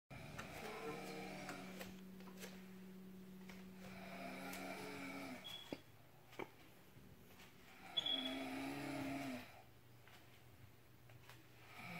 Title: Wife snoring.